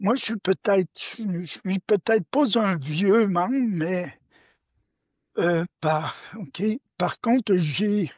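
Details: Adult woman who reports her own stuttering; stuttering.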